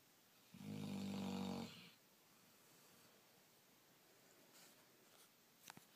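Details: Snoring in a tired, sleeping female black Labrador: one loud, rattling snore lasting about a second, then quiet room noise.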